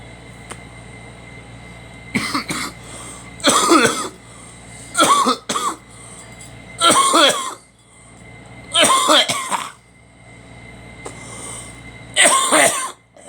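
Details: An adult coughs in about six separate bouts, some of them doubled, over a steady background hum; cough.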